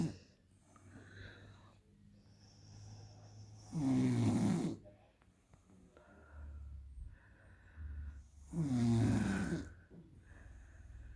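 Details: 23-year-old woman snoring: two loud, rattling snores on inhalation with quieter breathing between, about 12 breaths a minute; ordinary snoring.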